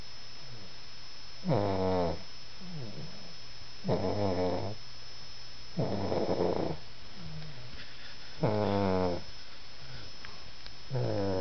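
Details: Regular buzzing snores with fainter in-breaths, about 25 breaths a minute, over a steady hum; snoring in a sleeping pet.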